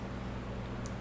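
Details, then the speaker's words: Older female dog asleep, snoring loudly: a steady, low buzzing rumble filling the whole second at an even level. "Esse barulhinho forte, que vocês estão ouvindo é o ronco do nosso cachorro. Tá forte. No caso da mais velha."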